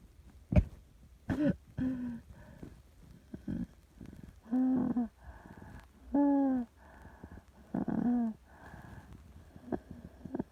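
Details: Simulated asthmatic cough sound effect: muffled, held-back coughs with whistling, wheezy breaths and throat noises between them, imitating breathing while suppressing a severe cough.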